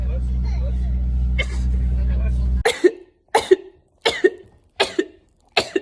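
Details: cough: Five short, sharp bursts in quick succession after a stretch of engine-like noise, from a compilation of rapid sneezes; heard as a dry coughing fit.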